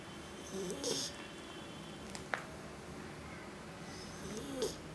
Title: Snoring 2 Month Rottweiler Puppy............